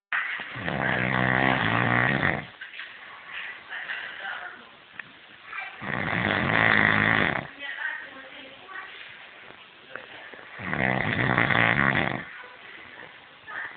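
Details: Person snoring: three loud, rough, rattling snores about every five seconds, roughly 12 a minute, with quieter breathing between them.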